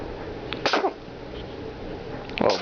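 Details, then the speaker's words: A person sneezing while doing tai chi: two sharp, explosive sneezes about two seconds apart, each with a brief intake before the burst; ordinary sneezing. "Bless you. Bless you. Bless you. He's allergic to the camera."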